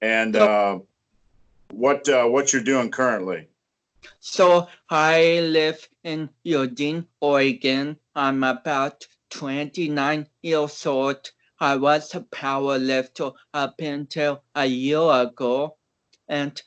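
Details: Dysarthria in a man of about 29 with cerebral palsy, an athlete who had not been expected to walk or talk.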